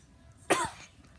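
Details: Person with a cracking voice and a warm, weird-feeling throat since waking gives a cough.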